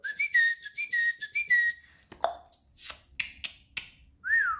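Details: Loud whistling vocal tic within a sudden vocal outburst from a speaker with Tourette syndrome; vocal tic (whistling).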